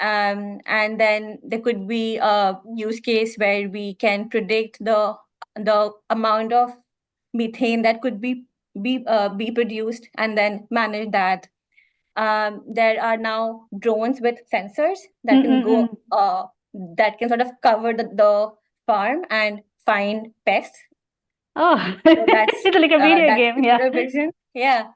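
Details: Stammering (stuttering) in an adult woman, real speech; she reports blocks more pronounced on vowels than consonants, felt as a catch in the throat.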